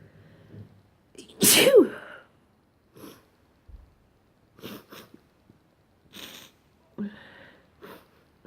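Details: Morning sneezes: one loud, sharp sneeze, followed by several fainter short bursts and sniffs.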